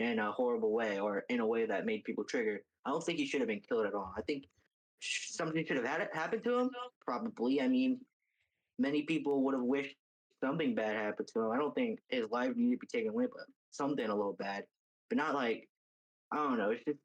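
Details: Adult speaker; normal speech.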